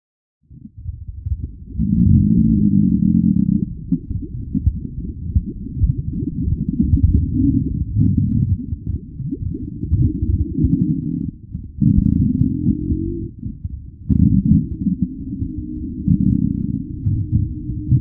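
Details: Long, deep, continuous gurgling rumbles from the belly; ordinary stomach growling (borborygmi).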